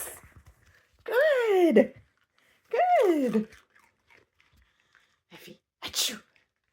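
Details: Female Border Terrier learning to sneeze on command: two drawn-out whines, then two short, sharp nasal sneeze bursts in a quiet room, with praise afterward.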